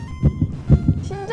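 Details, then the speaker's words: Heartbeat of a young man, heard as two quick lub-dub beats, low regular fast thumps, while his girlfriend listens to identify him and likens it to a fetal heartbeat; faint background music. "You know a fetus' heartbeat, right? It sounds like that!"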